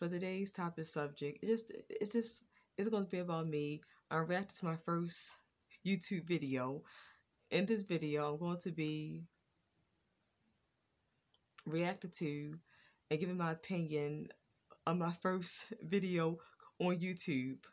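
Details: Woman with a lifelong stutter, worse in earlier years and now more controlled; stuttering.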